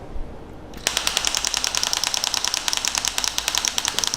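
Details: Shock wave therapy of the Achilles tendon, 10 mm head moved up and laterally over the swelling: after a brief hiss, rapid sharp clicking pulses about ten a second as the device fires.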